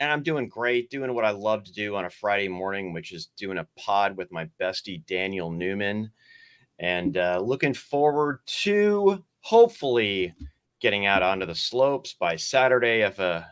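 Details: Adult male speaker; normal voice.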